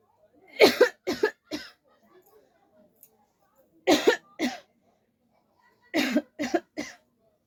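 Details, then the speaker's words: Eight deliberate, dry-sounding voluntary coughs from an adult in three short bouts with quiet pauses between, performed as a coughing challenge. "तो guys आज हम फिर से coughing challenge लेके आए हैं और कफिंग चैलेंज करने में मुझे बहुत मजा आता है"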